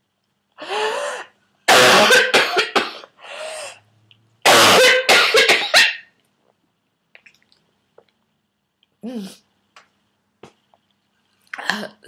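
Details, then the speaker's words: Adult at home in the fifth week of whooping cough, on codeine liquid and using a vaporiser, has a morning coughing fit: harsh clustered coughs with throat clearing and strained voiced sounds between bursts; pertussis coughing fit. "yeah I'll te it off after this coughing fit bit stops in the morning"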